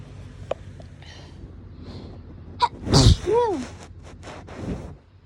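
A single forceful sneeze with a quick breath in before it, over faint background noise; a hay fever sneeze.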